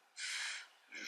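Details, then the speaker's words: Adult man sneezes loudly in the background of a quiet room: a sudden hissing burst of air, then a brief second sound. "Vous entendez sûrement mon beau-père qui éternu parce que parce que tout le monde entend très loin à la ronde."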